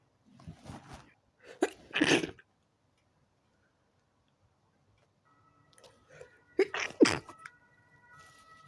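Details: Two bursts of sneezing separated by a quiet pause, each a sharp sneeze with gasping breaths, in a quiet room, from a person in bed trying to sleep early whose fit began after turning onto the other side; sneezing fit.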